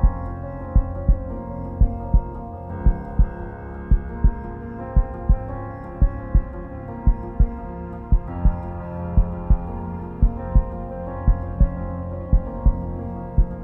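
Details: Heartbeat sound effect within an epic music mix: steady low thumps about 57 a minute under ambient music; heartbeat.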